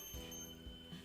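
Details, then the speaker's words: Faint, steady beep from a digital thermometer placed in a newborn baby's armpit (axilla) during a midwifery newborn physical exam practice, signalling a finished reading of about 36.5 °C, normal. "Ayo kita Letakkan termometer nya dengan dengan aksila Dede Ara aksila dia kita tunggu sampai teleponnya berbunyi"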